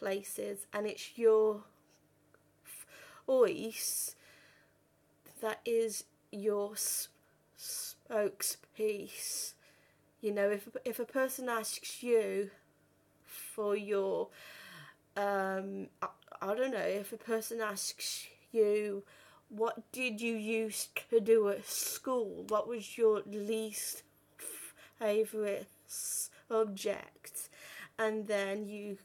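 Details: 32-year-old woman who has stammered since about age five or six, had speech therapy and breathing techniques at 15; stuttering.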